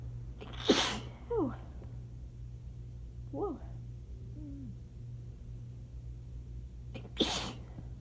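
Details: Sneezing fit after accidentally spraying shower water up the nose, which burned at first, in someone tired of sneezing for days to weeks: two loud explosive sneezes with a breathy catch and gasp between, over a steady air-conditioner hum.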